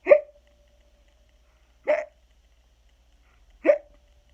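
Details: Simulated hiccups acted by an adult reading the children's book Skeleton Hiccups aloud: three short voiced 'hic' sounds about two seconds apart.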